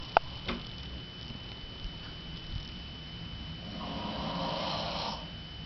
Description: Mom snoring in the middle of the night (through the door)